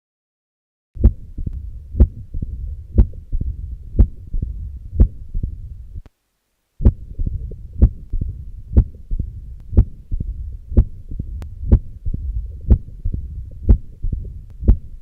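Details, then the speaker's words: Mitral stenosis heard with the stethoscope bell, patient turned to the left lateral position: presystolic accentuation and low-pitched rumbling mid-diastolic murmur. "the most unmistakable component in the diagnosis of mitral stenosis is the mid diastolic murmur which is her with the bill of the status quo the patient turn to the left lateral position"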